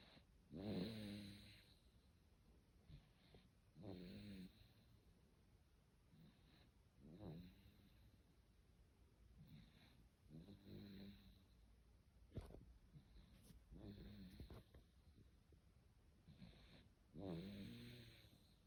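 Rhythmic snoring, about six rattling snores in under 20 seconds, with quiet breathing between them.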